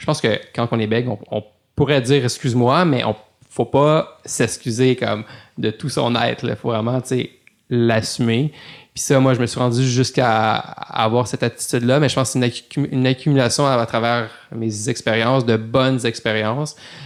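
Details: Adult male lawyer who stutters, speaking French in a podcast interview; stuttering.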